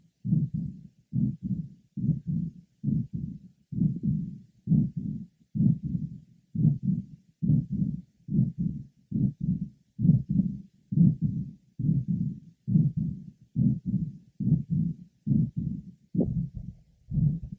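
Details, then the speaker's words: Patient with combined aortic stenosis and regurgitation, heard at the aortic area: regular heartbeat about 68 a minute with long murmurs filling each cycle. "our next patient is both aortic stenosis and regurgitation aortic area"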